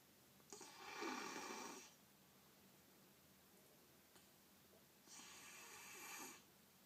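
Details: Lily snoring while asleep, with episodes of stopped breathing; no cold or runny nose, obstructive sleep apnea suspected. Two long, rough rattling breaths about four seconds apart in a quiet room.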